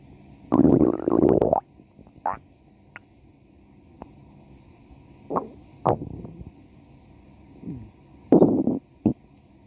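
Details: Woman's stomach growling (borborygmi): bursts of gurgling and rumbling with quiet gaps, ordinary growling from gas and fluid moving through the gut.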